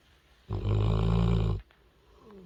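A single loud, deep, rattling snore on one breath from a sleeping puppy.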